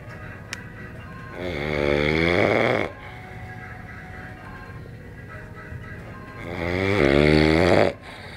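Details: Two loud, buzzing, tonal snores about five seconds apart, roughly 12 a minute, with quiet breathing between, from someone napping, snoring like a pig: snoring.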